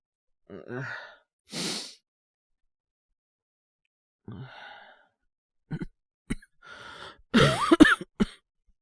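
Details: Acted voice performance of a young man ill with a cold and a fever of about 38 °C: a few soft, weak coughs with sighing breaths and a groan; simulated cough.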